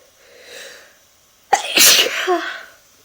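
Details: One loud explosive sneeze with a trailing voiced release after a quiet breath in; sneezes deliberately made to come out.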